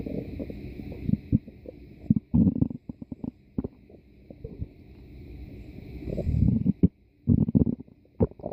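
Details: Stomach growling (borborygmi): irregular low gurgles, pops and rumbles from the belly, consistent with gas and fluid moving through the gut.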